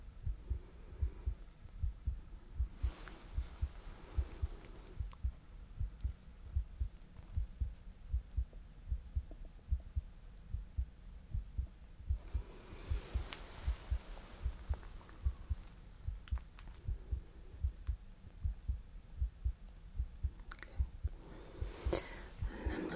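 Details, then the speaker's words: Simulated ASMR ER heart exam of patient complaining of racing, pounding heart: stethoscope over chest gives steady low heart thumps at about 75 beats a minute with light rustling; normal heart sounds. "Okay. So I'm gonna listen to your heart."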